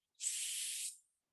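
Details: Clinician's deliberate demonstration of the target /s/, tongue on the alveolar ridge behind closed teeth, contrasted with a lisped front sound: correct /s/ sound (alveolar fricative).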